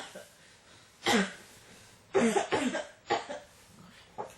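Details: Four or five harsh, dry-sounding coughs in quick bouts, with breaths between: a persistent cough that won't stop.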